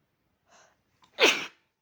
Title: loud violent cold sneezes and nb